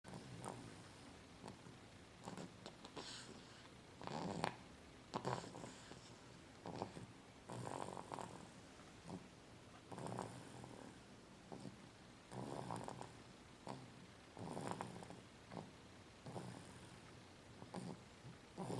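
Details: Sleeping person snoring, recorded 19 October 2009: rhythmic rattling snores with each breath, roughly one every 2.5 seconds, in a quiet room; ordinary snoring.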